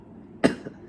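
A single sharp cough burst from an adult, followed by a softer trailing catch, in a quiet indoor room.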